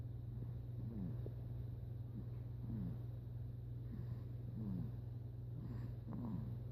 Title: Chew cha snore 6 weeks